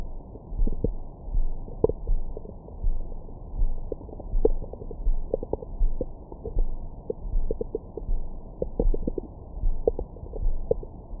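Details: Recorded with a Stemoscope stethoscope microphone on the abdomen after a large meal: soft gurgles and brief squeaky pops over low rumbling, ordinary bowel sounds.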